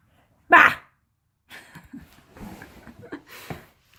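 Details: 3-week-old golden retriever puppy in a litter of puppies: one sharp sneeze burst, then soft small sniffs and snuffling.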